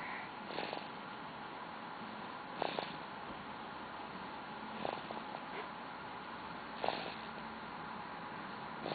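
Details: A 9-week-old infant snores: soft, noisy snoring sounds with a faint rattle recur about every two seconds, around 29 breaths a minute, over steady room hiss.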